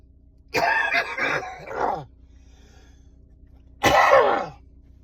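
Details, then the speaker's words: Adult coughing in a stopped car, body trying to clear mucus, sometimes dizzy from lack of breath: run of harsh spluttering coughs, a pause, then another forceful burst; wet-sounding coughing fit. "And when you cough, you're not breathing in, not getting enough oxygen into your bloodstream. Sometimes you got a bit dizzy."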